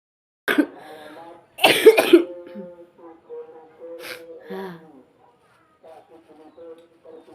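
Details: Adult mother ill for three days with fever, flu and cough: three harsh coughs in quick succession, then a quiet voice and music, acute coughing during a cold.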